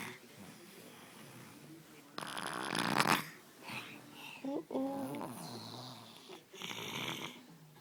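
Harsh, noisy snoring breaths with fluttering rattle, mixed with brief sounds of background talk in a small room.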